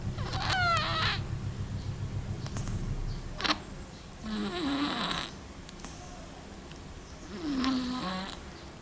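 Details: Snoring in a sleeping small black cat: rattling snores mixed with squeaky whistling sounds on some breaths.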